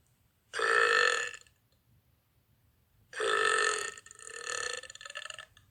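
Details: Young woman burping: two long, loud, voiced belches, the second drawn out and trailing off in pulses; repeated burping.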